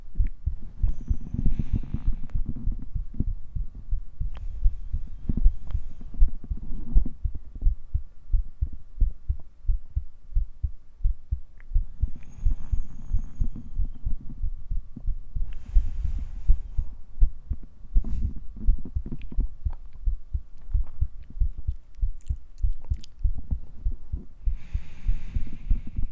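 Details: A heartbeat in a male-voiced ASMR cuddling roleplay, recorded with a 3Dio microphone for the heartbeat and touch sounds: steady low heart thumps heard close up, with soft rustling and touch noises.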